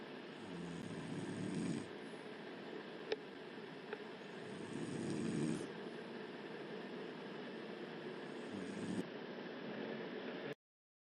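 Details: Woman asleep snoring: loud, rough, rumbling snores rising and falling over steady room hiss, about three slow breaths.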